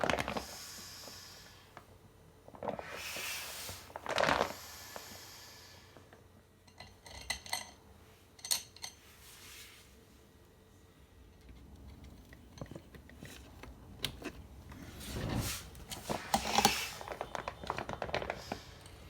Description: The pump is now running 24+ hrs without any issues. Only the spring of the pump is making some noise but after checking, everything seams to be ok.